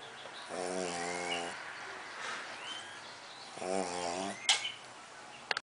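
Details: Pug snoring heavily while asleep: two loud, buzzing, humming snores about three seconds apart, with a sharp click near the end.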